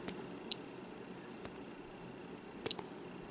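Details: Snuza Hero baby movement monitor: about two or three short high-pitched electronic chirps over quiet room noise, the monitor's movement-detection chirp.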